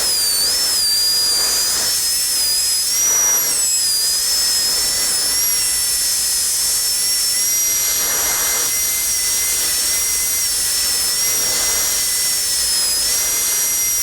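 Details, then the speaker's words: Dental high-speed handpiece refining the cervical shoulder with a light touch on a maxillary canine prepared for a porcelain-fused-to-metal crown, patient tipped back; steady high-pitched whine with slight pitch dips while cutting tooth. "now we will refine the shoulder slightly I'll tip the patient back just a little bit using a light touch the cervical can be [Music] refined"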